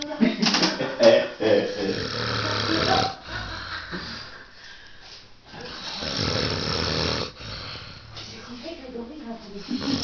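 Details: Adult man snoring in his sleep after an evening of heavy drinking (vodka orange): loud, rough, rattling breath sounds in long irregular surges, with voices and room noise around them, heavy snoring.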